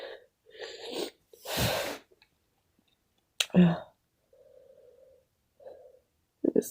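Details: Sneezing in a person who has been sneezing all day from an unknown cause: a single forceful, noisy sneeze burst with a sharper second burst.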